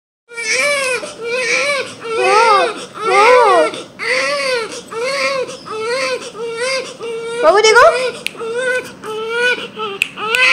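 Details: Loud, rhythmic wailing cries with brief gasps between from a newborn baby boy, his first cry just after birth; vigorous, typical newborn crying.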